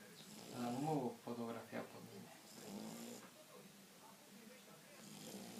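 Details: Snoring in a sleeping Shar-Pei dog: soft, rough, uneven snorting breaths that fade away.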